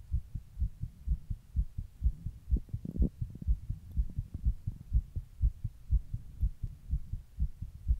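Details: Own heart recorded while sitting in 100-degree heat during a heatwave: steady, regular thumping heartbeat about 120 beats a minute with a low hum behind; tachycardia.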